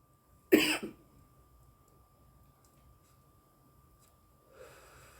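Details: A woman coughs in one short burst while smoking cannabis, then quiet room noise with a steady faint hum and a soft breath at the end.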